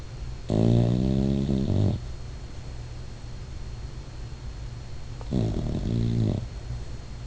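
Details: Sleeping, dreaming dog snoring: two deep, buzzing, rattling snores about five seconds apart over steady room hum.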